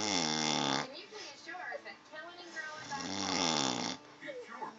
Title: "I don't snore.."